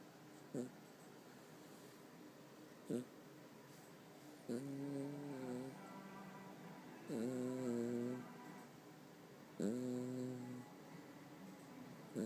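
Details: Oscar, a cat, passed out asleep and snoring: regular droning, slightly whistling snores with soft snorts between them, about one breath every two to three seconds.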